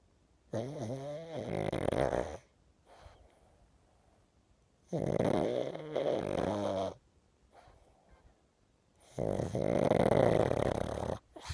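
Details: Loud, rattling snores on each breath, about three in ten seconds, with quiet gaps, from a sleeping, dreaming pug, a flat-faced dog breed; snoring.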